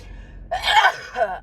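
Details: A person just out of a gym sauna, which they say dries their sinuses, then stepping out into cold winter air. A quick sharp indrawn gasp, then a voiced catch: a gasp before a sneeze.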